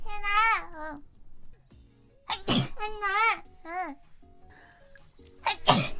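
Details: Compilation of sneezes: high-pitched voiced sounds broken by two sharp, explosive sneezes over soft background music.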